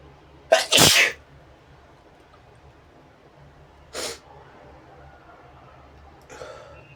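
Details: One loud two-part sneeze, then a shorter sneeze and a faint third: sneezes deliberately induced by tickling the nose with a brush.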